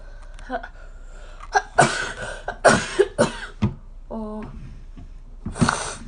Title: Cute Japaneze girls sneezing くしゃみ33